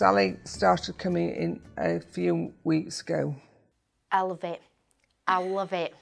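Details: Adult speaker; ordinary speech.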